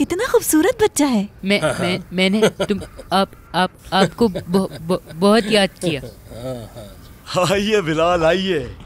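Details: Acted stuttering by a boy in a dubbed Turkish TV film, who says he cannot even speak properly; stuttering.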